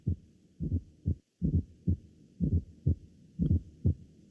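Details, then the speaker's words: Fourth heart sound (S4 gallop): regular low heart sounds near 60/min with a soft extra sound just before S1. "Ah también hay hay que Resaltar que No necesariamente tienen que estar los los otros dos ruidos el S4 y el S3 podemos tener solo el S3 o también solo el S4 o también podemos tenerlos juntos y como dice la doctora pues este se puede escuchar un poquito adelante del s1"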